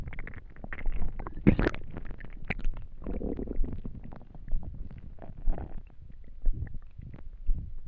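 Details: Low gurgling and rumbling from an empty stomach after not eating for a day, with irregular squelching bursts throughout; hunger borborygmi.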